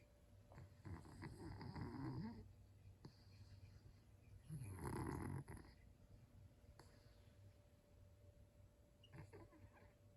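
Two rough, rattling breaths a few seconds apart with quiet room noise between them. A small dog snoring in sleep.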